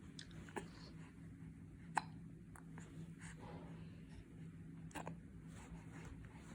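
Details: Hiccups: soft, brief catches recurring about every second in a quiet room with a low hum.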